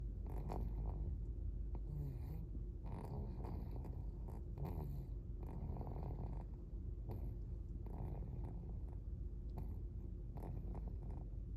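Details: 4-month-old baby snoring while asleep: soft, low, rhythmic snoring noises with each breath under a steady room hum.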